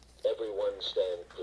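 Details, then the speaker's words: Infant AED demonstration, pad placed between the shoulder blades: a brief synthetic device voice prompting the rescuer to insert electrodes or connect the wires. "now the aed is prompting insert electrodes or connect the wires so we do that"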